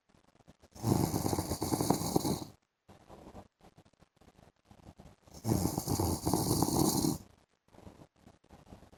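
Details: Adult man, a husband, snoring during an afternoon sleep: two long, harsh, rattling snores with quieter breathing between them.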